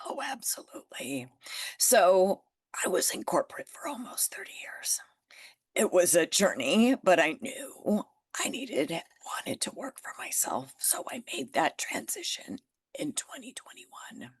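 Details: Adult woman with spasmodic dysphonia that developed after stress and illness, still audible in her voice; managed naturally, declining Botox; spasmodic dysphonia.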